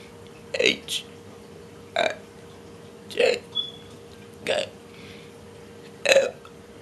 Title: girl burping her abcs